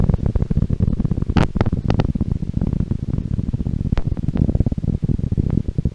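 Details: Live needle EMG recording with the needle in a muscle, screen height 2 mV: dense, rapid crackling and thumping pops of motor units firing, with normal, neuropathic or myopathic pattern left as an open question.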